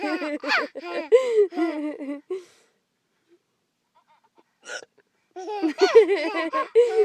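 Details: Mother with hiccups, child laughing at it: high-pitched laughing bursts with a sudden short catch, then more laughter; hiccups interrupting laughter.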